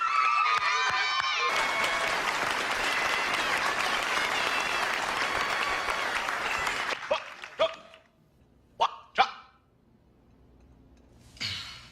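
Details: Vocal tics of Tourette syndrome in an adult man during a job interview for a teaching post, in a dramatized film, so acted rather than a real recording.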